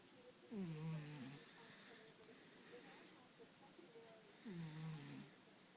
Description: Our cat Toby is snoring in his sleep